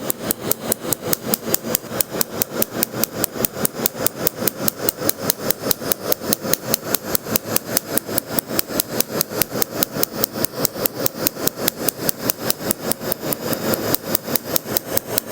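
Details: First laser tattoo removal session on an adult's chest tattoo, white frosting visible: rapid, steady snapping pulses at about 146 a minute as the laser tattoo removal device fires.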